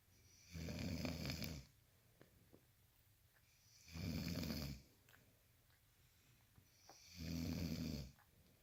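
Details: Snoring: three loud rattling snores about three seconds apart, roughly 19 breaths a minute, with quiet pauses between.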